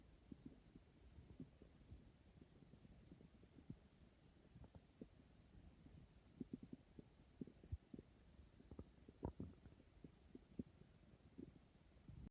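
Quiet low gurgles and irregular bubbling pops over soft background hiss; ordinary stomach rumbling (bowel sounds) with hunger.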